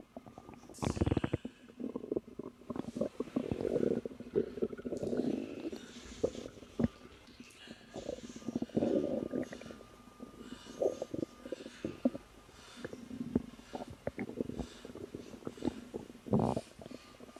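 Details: Woman about 3 months pregnant, relaxing, who says she has felt uncomfortable but not in pain since noticing the pregnancy: low gurgling, rumbling runs with scattered clicks and squeaks; stomach growling from bowel activity.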